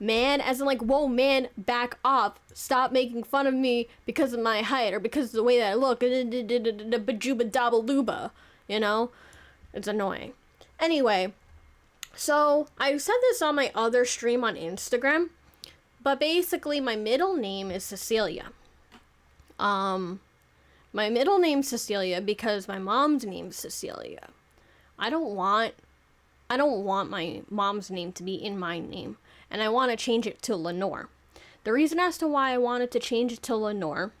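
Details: 26-year-old woman who self-reports clear stuttering issues that make it hard to talk properly; stuttering.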